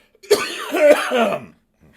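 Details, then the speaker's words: Adult recovering from an illness with a 102-degree fever lasting about three days gives a single harsh, voiced throat-clearing cough just over a second long in a quiet room: cough with throat clearing. "hopefully i'm not coughing all over the freaking the microphone here boy but yeah it was a rough one"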